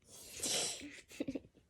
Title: Daddy’s sneeze attack 2